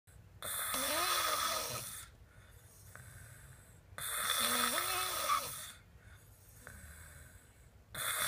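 Loud, rough snores on each in-breath, about 15 a minute, with a gliding tonal edge and quieter breathing out between them: heavy snoring.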